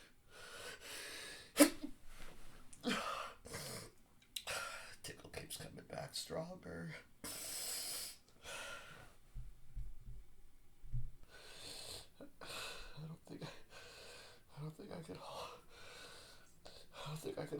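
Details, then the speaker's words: Adult male, acted performance, trying to hold back sneezes so others won't hear: muffled, held-back sneezes between breathy inhales and soft noises; stifled sneezing. "I really hate stifling. It's so unsatisfying. So unsatisfying. But if I let them out, they'll hear me."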